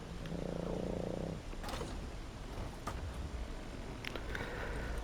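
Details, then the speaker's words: Snoring from a small pug dog in the background: a low buzzing snore at the start, then faint clicks and room noise. "uh I say this every walk through but if you can hear snoring in the background there my two little pug dogs they uh they snore a lot and they're attached to me like glue"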